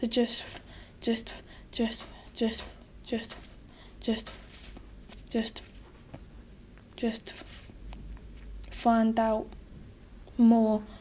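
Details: 12-year-old boy who stutters, heard in his 4th therapy session, with pauses and silent blocks where words get stuck.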